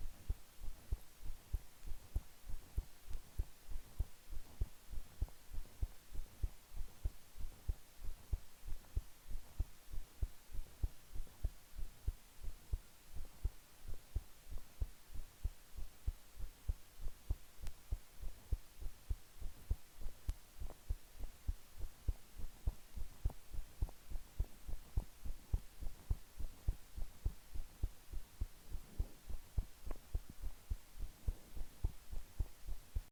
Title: (Use headphone) Resting heartbeat sound